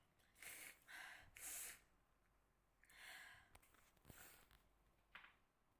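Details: Sneezing in a young woman: quick gasping in-breaths followed by several soft, hissing sneezes, heard faintly over steady room noise.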